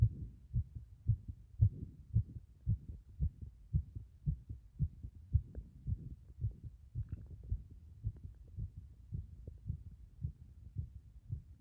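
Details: Heart sounds: regular low heartbeat thumps at about 113 beats a minute, a mildly fast rate.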